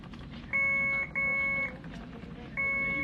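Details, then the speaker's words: Three loud, steady electronic beeps over room noise from an infusion pump during an Ocrevus infusion for multiple sclerosis, alerting that it is time for the next ramp-up of the flow rate. "I don't know why it's beeping. It's because it's time for me to do the next ramp."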